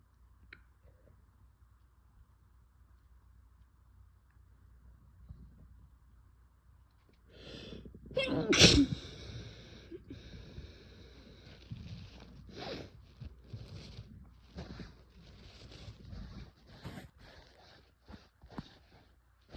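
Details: Sick adult: a forceful sneeze followed by a run of sniffs and nose blowing.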